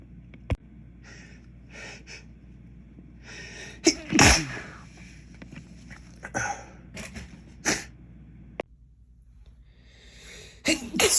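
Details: Repeated sharp, explosive sneezes with quick breaths between, after accidentally dropping a container of white pepper while cooking and filming the aftermath; irritant-induced sneezing.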